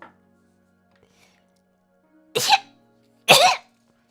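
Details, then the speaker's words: Two short, explosive, sneeze-like coughs about a second apart over a faint background tone, described as gremlin-ish, a cross between a sneeze and a cough, in an adult needing a lozenge. "That was sounding gremlin-ish. let me drink. That was like a cross between a sneeze and a cough. Sorry about that."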